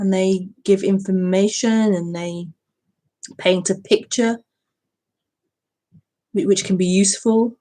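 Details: Woman who says she stutters, speaking during a live broadcast; stuttering.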